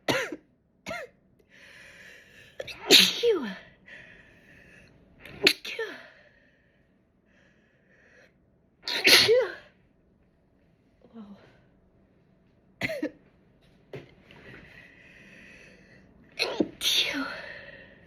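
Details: About six sharp, explosive sneezes in quick succession with brief breaths and small vocal sounds between; ordinary sneezing.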